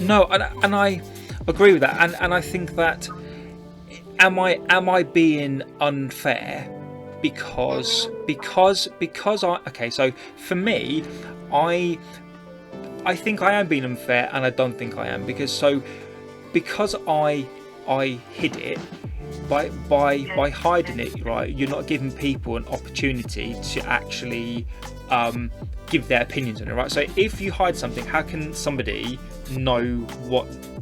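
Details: Adult woman who stammers, real, in a podcast interview; she also reports a vocal cord condition that sometimes stops her producing any sound and considers her stammer not that bad: stuttering.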